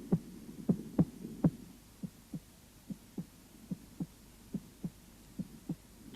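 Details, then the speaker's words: Auscultation at the cardiac apex: crisp, regular paired heart sounds, lub-dub, about 70 a minute, no murmur, first sound louder than second, as normal at the apex: normal heart sounds. "в норме на верхушке первый тон громче второго первый систолический тон состоит"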